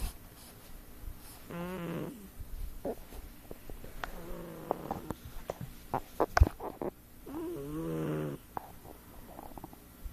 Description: video i took of my cat snoring. i have never had a cat that does